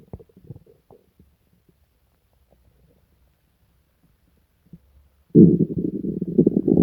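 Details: Borborygmi in a person sick for days with stomach pain, diarrhea and nausea: faint gurgles, then a loud, sustained deep growling rumble from the abdomen.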